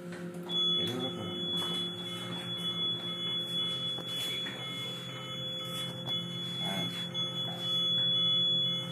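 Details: Philips Respironics Esprit ICU ventilator, which supports invasive and non-invasive modes, being switched on: steady electronic tones and chirps with a high sustained beep, with room noise.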